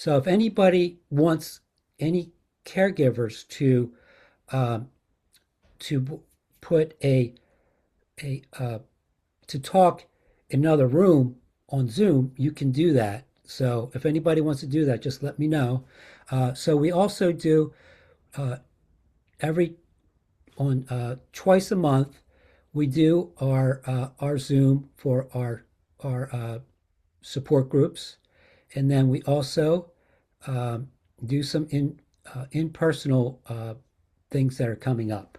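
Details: Adult male host of an aphasia conversation group, speaking with hesitations, fillers and word-finding pauses; aphasia.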